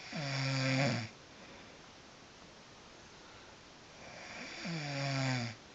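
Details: Two loud, buzzing, throaty snores on the in-breath, about four seconds apart, with quiet gaps between: a person snoring in sleep.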